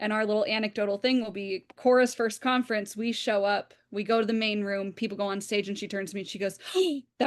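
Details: Adult woman speaking; normal fluent speech.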